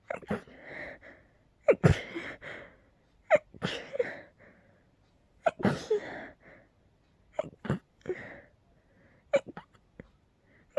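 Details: Person with a cold and allergies, having intense sneezing episodes every couple of hours, gives about six forceful sneezes, each after a sharp breath in; sneezing fit.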